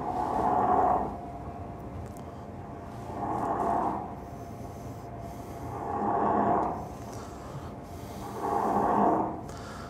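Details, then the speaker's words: Snoring from a floppy pharynx: four loud, rough, rumbling snores on breathing in, about 23 a minute, quiet breathing between, faint steady hum behind. "So this is what you get when you have a floppy pharynx. This is what happens. This is just snoring."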